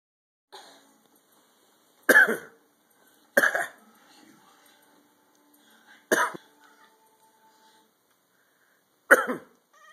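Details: Four short, harsh, explosive coughs from a cat, spaced a few seconds apart in a quiet room; cough.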